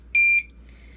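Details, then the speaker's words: Home IV infusion pump (Curlin) alarm, single short high electronic beep signalling unattended while tubing is loaded, during setup for continuous IV fluids in a gastroparesis and type 1 diabetes patient. "is whining saying it's unattended"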